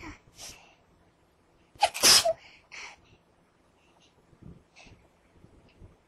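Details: Sneezing: a sharp, explosive, hissing sneeze burst with softer puffs and sniffs around it in a quiet room.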